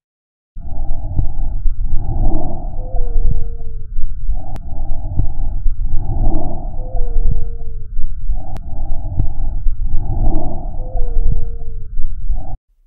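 Three breaths at about 15 a minute, each with one steady single-pitch whistle: monophonic wheeze from a single narrowed airway.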